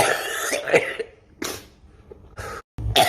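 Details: Three or four short, harsh adult cough bursts separated by brief pauses.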